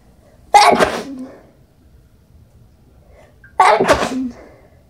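Two sharp sneezes about three seconds apart, each a quick inward breath then an explosive burst, slightly muffled.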